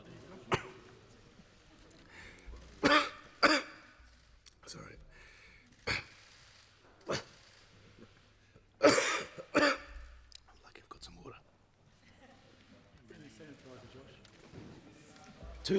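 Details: Adult male politician's coughing fit during a parliamentary speech, about 15 minutes into a 30-minute speech, with repeated sharp coughs and throat clearing interrupting speech and temporary loss of voice; he was being tested for Covid-19.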